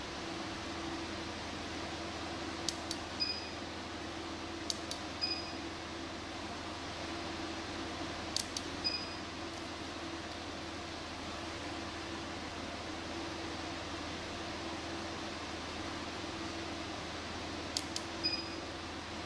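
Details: Steady fan hum with brief paired clicks and short beeps at irregular intervals as a medical laser fires during removal of a venous lake blemish on the lip.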